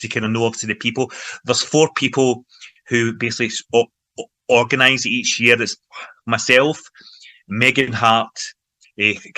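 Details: Man from Glasgow, Scotland, involved in stammering self-help groups for over 25 years, speaking in everyday conversation; stuttering (stammering).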